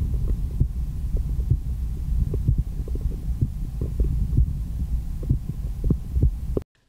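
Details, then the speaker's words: Heart sounds heard through a stethoscope bell, in a comparison of the MDF ProCardial and the MD One: soft, muffled low thumps over a steady low hum, no added sounds; normal heart sounds. "interesting because with the ProCardial, I do think that the sound is actually clearer and that might be thanks to its thicker tubing."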